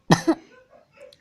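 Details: Person coughing while playing a game, apologizing for the cough: one short, dry two-part cough, then quiet room noise.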